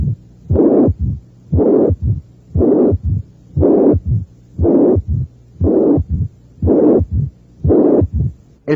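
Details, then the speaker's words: Apex auscultation, review example 10 of a cardiac auscultation teaching recording: S1 and S2 present but not prominent, loud high-pitched slightly harsh systolic murmur near 59/min, third heart sound and short mid-diastolic murmur: severe mitral regurgitation. "hay un soplo los históricos intensos de tono alto pero que es un poco áspero también hay un tercer ruido cardíaco y un corto soplo mes o diastólico estos son los hallazgos ausculta torios de una insuficiencia mitral grave"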